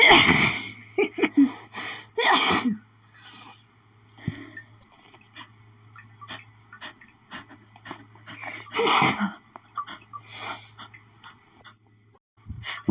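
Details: Person's itchy sneezing fit from pollen, strong enough to double them over: several forceful sneezes in a row with gasping breaths between them.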